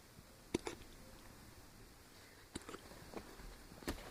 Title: Jax hiccup #cutepuppy